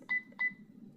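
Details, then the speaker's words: Sigma Spectrum infusion pump keypad beeps while entering a drug name for a secondary infusion in a nursing demonstration: two short, high electronic beeps in quick succession as buttons are pressed; normal keypad feedback. "So we'll add sephllosone. And to get the letters, we'll press C three times"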